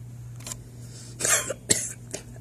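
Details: Acted coughing during a test: a few short, breathy, dry coughs over a steady background hum.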